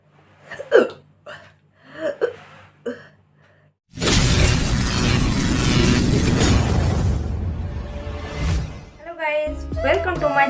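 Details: Natural hiccups recorded for a hiccup challenge: four short, abrupt hiccup sounds in the first few seconds, then loud music takes over.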